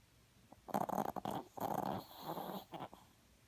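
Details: Dog named Momo snoring with eyes open: rough, rattling snores with a few fluttering bursts on each breath; ordinary snoring.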